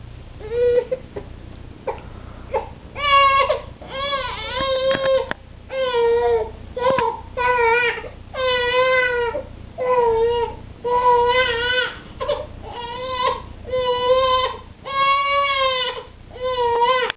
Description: baby cries & coughs :( during tummy time